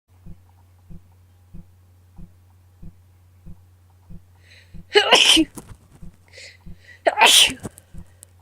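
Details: Adult woman with a bad cold: two forceful sneezes over a faint steady ticking in a quiet room, part of a session with sniffling, nose blowing and false starts.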